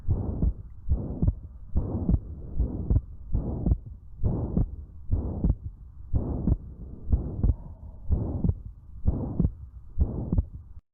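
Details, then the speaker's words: Child's heart at about 65 a minute: harsh holosystolic murmur filling systole between S1 and S2; ventricular septal defect, usually closes by itself but warrants cardiology referral. "so this is a harsh system systolic murmur means from between s1 and s2 you here"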